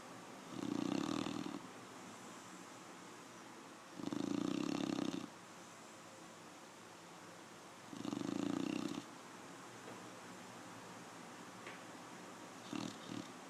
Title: Snoring dog